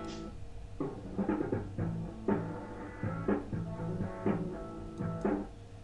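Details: Hearing loss simulator: rock music with guitar and drums and a sung "rainy days… dull gray day" lyric, treble gone, simulating severe precipitous (steeply sloping) high-frequency hearing loss.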